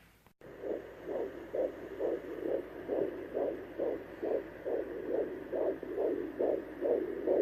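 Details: First-trimester pregnancy, checked at home with a new fetal Doppler: fast, regular whooshing pulses of the fetal heartbeat, about 136 beats a minute.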